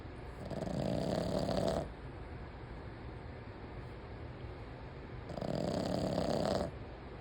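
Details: Female sleeper, usually quiet, snoring heavily: two rattling snores, each lasting about a second and a half, roughly five seconds apart, with quiet breathing between them.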